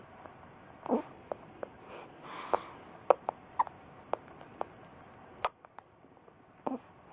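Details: A son with hiccups: a few abrupt, catchy gulping bursts among faint clicks in a quiet room.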